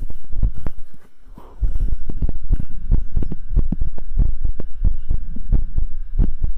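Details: A streamer's own heartbeat picked up by a microphone during an ASMR stream, strong, regular low lub-dub thumps at about 100 a minute with a low hum; the streamer says it is beating hard, with two normal pumps then two very hard ones; a normal heartbeat.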